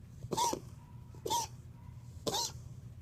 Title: Shadow wheezing